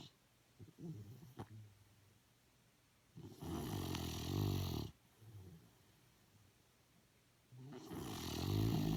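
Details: Sleeping dog gives low rattling snores with each breath in, pausing between breaths; ordinary snoring.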